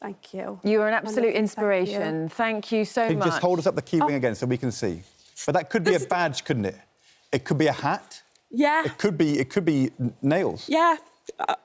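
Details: Adult women in conversation; ordinary conversational speech.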